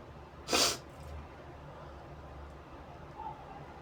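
One loud, sharp sneeze burst, then quiet room noise and faint breathing.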